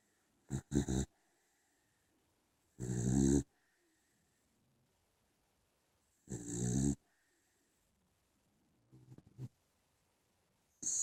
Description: Dante and Han snoring.